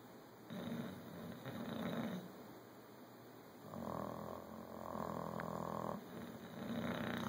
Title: My snoring dogs